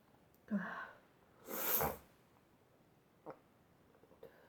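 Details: A quick inward breath, then one loud, explosive sneeze, followed by quiet with small sniffs; a sneeze at the end of a sneezing fit.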